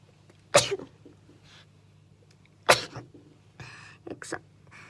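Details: Two young Japanese women sneezing: two sharp, high sneezes followed by softer sniffing and nose-blowing sounds; ordinary sneezing.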